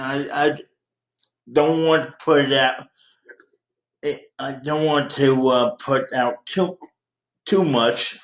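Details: 51-year-old man with dysarthria due to cerebral palsy present since birth.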